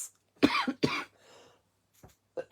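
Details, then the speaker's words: Woman who says she sounds like she coughs whenever she talks gives two sharp coughs in quick succession, then a faint breath and brief throat sounds; cough. "Aussitôt que je parle, on dirait que je tousse."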